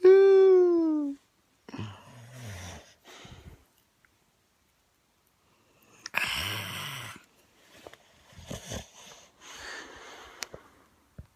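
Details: Boxer dog asleep and snoring: a brief high whine, then noisy, wheezy snoring breaths in a quiet room.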